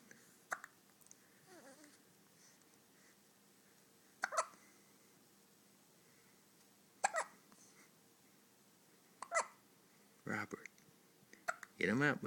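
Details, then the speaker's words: Ordinary hiccups in a baby boy, recorded 10/2009: several brief, sharp, isolated hiccup sounds at irregular intervals in a quiet room, with faint babbling. "do you have the hiccups? Just a little"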